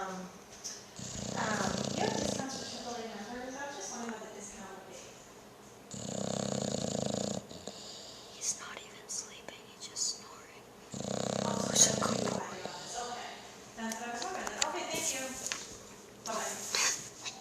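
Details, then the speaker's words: An overweight dog snoring while awake, not sleeping: repeated rough, rattling snorts on each breath, with quiet talk and household noise in the background; snoring-type noisy breathing. "Do you want to take a He's look? not even sleeping and he's snoring."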